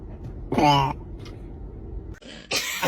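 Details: Baby hiccups, with laughter and adult voices nearby.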